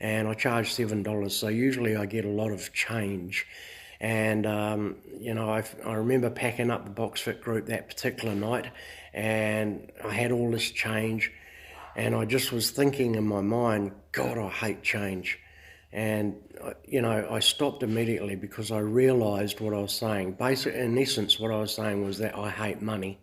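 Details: Adult man who says he stutters a little; mild stuttering.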